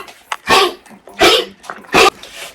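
Three harsh, forceful honking coughs from a dog, typical of kennel cough.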